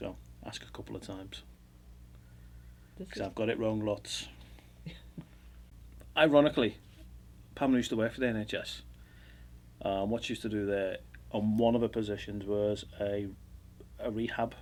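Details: Adult man speaking; normal speech.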